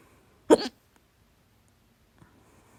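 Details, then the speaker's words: A single loud, abrupt voiced hiccup with a sharp gulping onset, then quiet room noise; the person thinks overeating set it off (three cups of soda, two plates of chips with salsa, a big meal the day before). "hat Schluckauf, weil ich zu viel gegessen habe."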